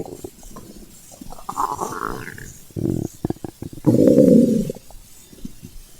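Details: Stomach growling from hunger (ASMR recording): gurgling, rumbling bowel sounds with bubbly bursts and a long loud growl; ordinary borborygmi.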